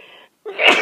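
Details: Adult on day two of a bad cold, awake at 3 a.m. with plugged nose, chills, body aches and pounding head, tries to hold back a sneeze, possibly pressing a finger under the nose: brief breathy sound, pause, then sharp partly stifled sneeze.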